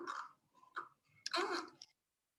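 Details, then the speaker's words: Flaccid newborn in respiratory distress with tachypnea, chest retractions and nasal flaring: short, soft, voiced expiratory grunts at the end of breaths. "see see if you can see the um the retractions you're going to hear the grunting um and try to look and see if there's nasal that nasal flaring"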